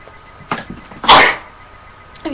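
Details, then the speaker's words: A young woman whose allergies have been acting up since the morning takes a quick in-breath, then gives one forceful sneeze. "excuse me sorry excuse me I'm so sorry my allergies have been going crazy since this morning Excuse me yes I thank you"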